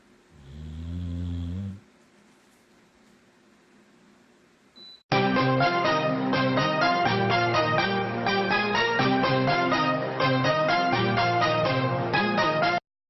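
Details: Rescue Boxer dog snoring while napping; snoring.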